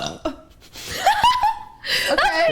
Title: burping contest gone wrong